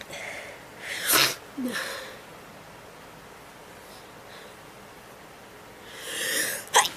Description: has a sneezing attack